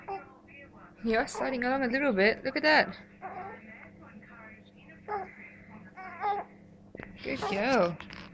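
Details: Baby during tummy time: fussing with whiny cries and babbling in short bursts, with quiet room noise behind; a fretful infant cry.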